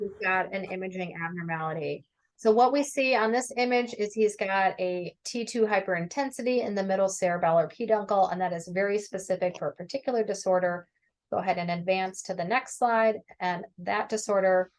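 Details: Adult woman lecturing; normal speech.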